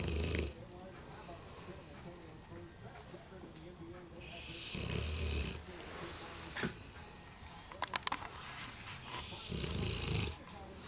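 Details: Coarse, snorting breaths every few seconds from a 2-year-old Bullmastiff napping after a large Christmas turkey meal, with some room noise; dog snoring.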